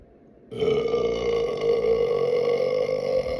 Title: Burp (125) #belching #burp #burping #belch